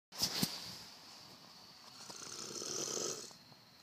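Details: Person snoring in sleep: a soft, noisy, drawn-out breath after a couple of clicks.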